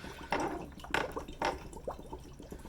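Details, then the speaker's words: Homemade hardware-store PVC ventilator prototype driven by an air compressor: PEEP valve opened for exhalation, air escapes with irregular gurgling bubbles through a water column set near 5–8.3 cm water; ventilator PEEP water-seal bubbling. "now we need to let the person exhale so we just turn this peep valve open everything escapes through there"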